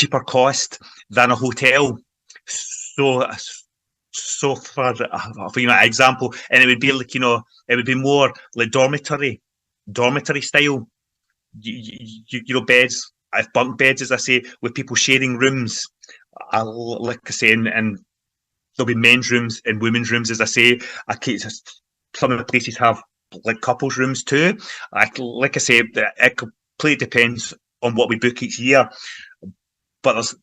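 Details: Man from Glasgow, Scotland, involved in stammering self-help groups for over 25 years, speaking in everyday conversation; stuttering (stammering).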